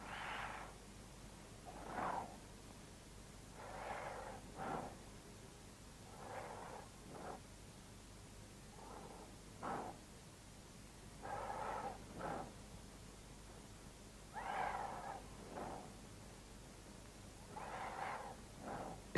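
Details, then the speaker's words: Normal vesicular breathing heard over symmetrical lung areas: soft, rustling breath sounds, longer on inspiration and continuing into the first third of a fainter expiration, produced by vibration of alveolar walls; educational lung auscultation film. "в норме над симметричными участками легких выслушивается везикулярное дыхание напоминающие звук она возникает во время вдоха и в первую треть выдоха вследствие колебаний альвеолярных стенок"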